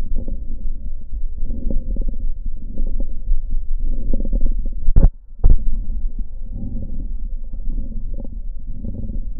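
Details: Clinically recorded lung sound, intermediate quiz: muffled chest sounds with clusters of brief popping clicks over breathing; crackles.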